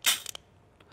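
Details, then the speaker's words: Priming a metered dose inhaler (used with spacer) before use: after shaking 5 seconds, mouthpiece held away and canister pressed; short hissing spray burst with faint click. "you're going to then hold the mouthpiece away from you and push the top of the canister down"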